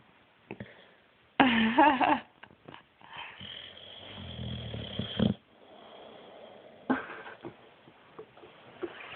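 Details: Sleeping boxer dog snoring: rough, fluttering breaths, with stirring, stretching, shaking and shuffling sounds.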